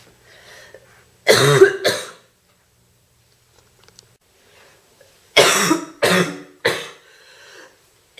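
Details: Girl with a bad cold in a real coughing fit: a pair of harsh coughs, a pause, then three more forceful, deep, painful coughs.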